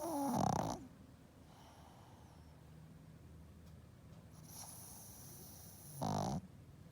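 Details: Sleeping pug snoring loudly: two loud, rough snores about six seconds apart with quiet breathing between.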